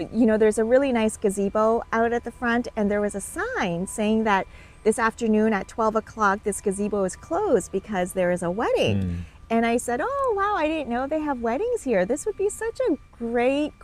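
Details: Adult woman speaking; normal speech.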